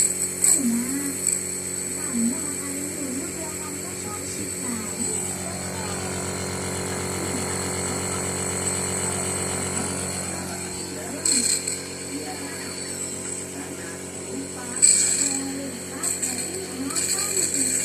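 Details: Child with stubborn cough and cold, unresolved after two doctor visits and prescriptions, receiving steam nebulization to loosen throat phlegm: steady motor hum of a nebulizer compressor throughout, with faint voices and child sounds.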